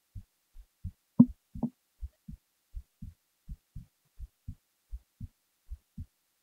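Soft, regular low thumps at about 130 a minute, possibly paired beats near 65 a minute, with one louder knock; a resting heartbeat.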